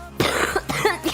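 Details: Two to three quick, dry cough bursts from a young woman talking on a live stream in a small room.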